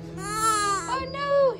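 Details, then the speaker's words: Six-day-old newborn baby boy in hospital: two strong, high-pitched wailing cries with clear tone; a normal, vigorous newborn cry. "Crying. Why are you crying, baby? See, why are you crying?"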